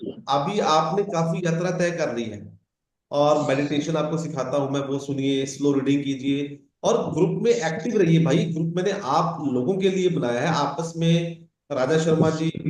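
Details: Adult male speaker; fluent speech.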